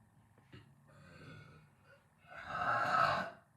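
A soft low gurgle followed by a louder, rough, drawn-out belch; burping after a meal.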